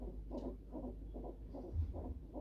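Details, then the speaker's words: Rhythmic whooshing fetal heartbeat on a fetal monitor, about two to three beats a second, during 24-hour unmedicated hospital labour in a COVID-positive mother; baby moving. "Just baby's heartbeat. Mm-hmm."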